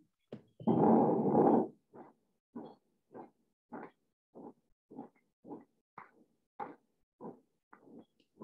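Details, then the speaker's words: Person vocally imitates the continuous, washing-machine-like heart murmur of a rescued Australian Shepherd dog with patent ductus arteriosus, a vessel that stayed open after birth, instead of normal lub-dub sounds. "so she had a heart murmur and the heart murmur that she had it sounded like a washing machine so i'm gonna try this we'll see if it works"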